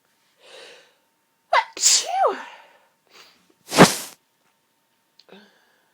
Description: itchy, tickly sneezes....... sorry about the coughing the pollen has been affecting my throat!